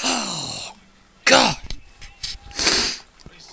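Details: A voiced build-up breath, then two sharp explosive sneezes about a second apart from an adult.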